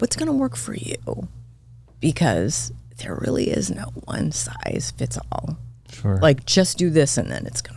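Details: Adult woman diagnosed this year with spasmodic dysphonia; vocal cord spasms make her voice cut in and out, sometimes hoarse; she attributes it partly to voice overuse as a podcast host and to stress; real, seemingly occurring during interview; spasmodic dysphonia.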